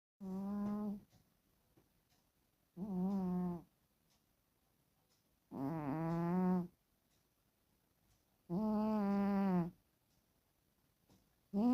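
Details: Sleeping female cat snoring, a real recording that is not faked: regular nasal, tone-like snores about every three seconds, near 20 a minute, with silence between them.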